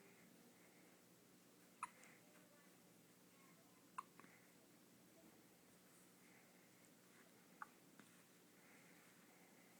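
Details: Ten-day-old infant with hiccups: three sharp, brief hiccups spaced a few seconds apart in a quiet room.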